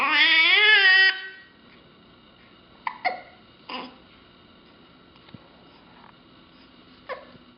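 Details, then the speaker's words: Baby boy with hiccups: brief infant wail, then several abrupt little catching sounds about every second or two; infant hiccups. "Heb je de hik? Hm? Vervelend hè, als je dik hebt."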